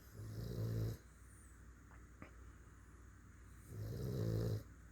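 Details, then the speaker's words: Sleeping dog snoring: two long, low rumbling snores about three seconds apart; ordinary dog snoring. "listen to my boys they're snoring hear him my boys he's sleeping they're always on Mama's"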